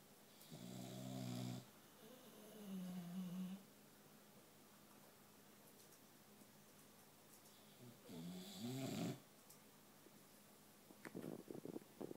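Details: A boxer dog, adopted a week earlier, sleeps on a couch with loud, rough snoring breaths and several pauses, ending in soft snorts. A second sleeping boxer makes muffled gorilla-like sounds in the background.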